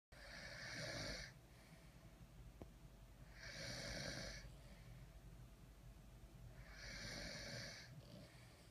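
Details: Sleeping French Bulldog snoring: loud, rasping snores in a slow, steady rhythm, about 19 a minute, with quieter breathing between.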